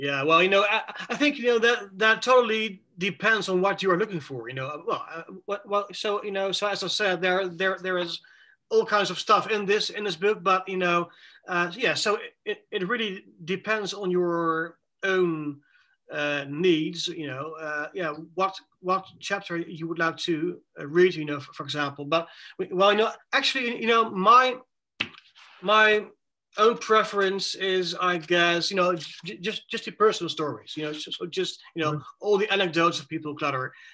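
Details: Adult male with self-reported cluttering, speaking in a conversational interview about the disorder; fast speech with repetitions and fillers; cluttering.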